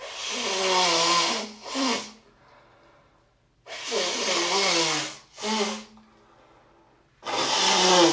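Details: Person's own sneeze and first nose blow of the day, with much honking and less mucus than expected: three forceful, rushing nasal blows, each followed by a shorter second blow; nose blowing.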